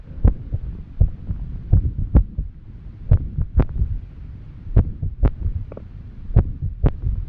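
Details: Woman after exercise, short of breath, heart beating like a drum: loud, fast heartbeats about 100 a minute with uneven spacing over a low hum; arrhythmia, fast irregular heartbeat.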